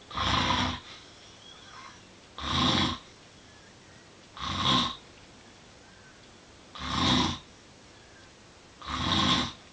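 Loud, rough, rattling snores repeat with each breath, about 28 a minute, over steady room hiss; typical snoring.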